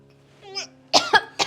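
Three short, sharp cough bursts from an adult, acted for a film, after a brief vocal sound over a faint steady background hum.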